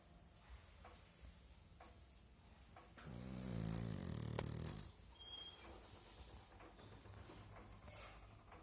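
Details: Pug snoring while asleep: a loud, low, rattling snore swells for about two seconds in a quiet room, with softer breathing noise around it.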